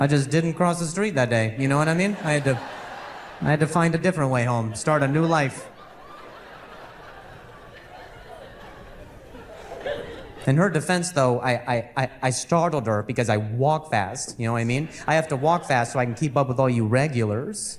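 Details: Adult male comedian with real stuttering present for years, which he attributes to a softball injury; finding: stuttering.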